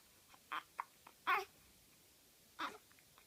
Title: Twin Baby Having Hiccup